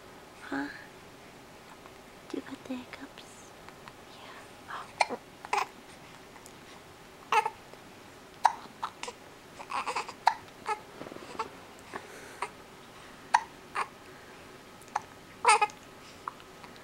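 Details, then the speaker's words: Infant with hiccups: brief sharp catches in the breath recur about every second between soft baby babbling. "Do you got the hiccups?"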